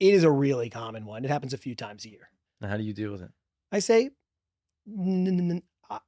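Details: Stuttering in an adult man, real, who has stuttered since childhood and describes a strong stutter with blocks; spontaneous podcast interview speech.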